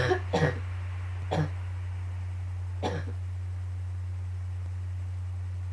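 Three harsh coughs in quick succession over a steady low hum, a brief morning coughing fit.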